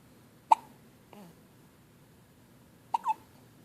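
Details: On the first morning home after a good night: two sharp, abrupt voiced hiccup gulps a couple of seconds apart in a quiet room.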